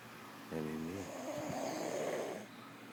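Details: A single rough, buzzing breath that turns into a long airy rasp against steady room hum; snoring.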